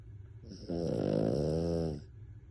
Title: Ever Wonder if Dogs Snore?